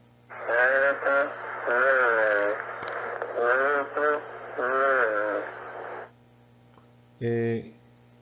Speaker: La broncofonía se refiere a los sonidos vocales que son más fuertes y más claros de lo normal, cuando se escucha a través de la pared torácica.